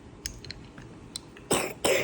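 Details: Two short, sharp coughs after quiet mealtime sounds from a 14-month-old eating seaweed soup, who has bronchitis and a runny nose; cough.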